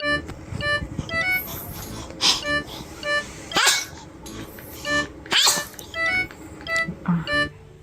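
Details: Infant sneeze at 80 days old: three brief, sharp sneezes heard over a bouncy music track.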